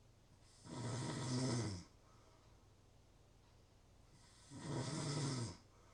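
Two long, rough, rattling snores on the in-breath with quiet pauses between them, about one breath every four seconds; ordinary snoring.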